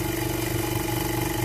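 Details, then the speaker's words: Oxygen concentrator, stripped of casing during a teardown, running at about two liters per minute: loud, steady rattling motor hum with a rough, shaky throb as the compressor runs unevenly. "no hear of it like two liters per minute the compressor is very shaky look at that engage there"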